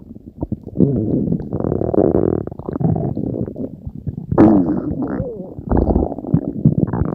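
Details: Long, low gurgling and rumbling with shifting, squeaky pitches from the belly; ordinary stomach growling (borborygmi).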